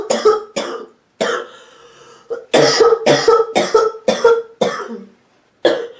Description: Short clip of a sick woman’s hacking barking cough